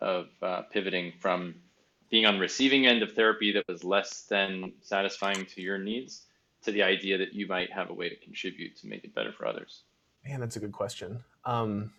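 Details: Adult male speaker; typical speech.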